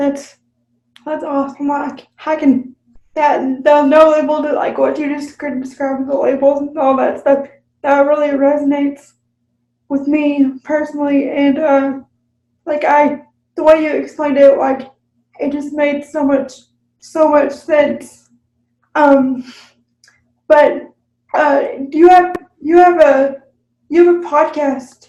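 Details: Dysarthria in an adult woman with cerebral palsy, in conversational speech.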